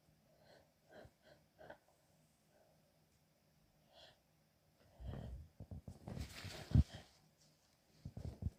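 Several small catching breaths, then a soft sneeze with a snort and a second burst; a hitchy, held-back sneezing fit.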